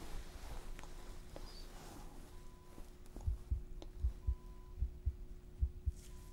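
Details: Simulated ASMR nurse discharge exam, chest auscultation through a stethoscope: soft, regular, low normal heart thumps at about 77 a minute, with faint monitor beeping and hum behind.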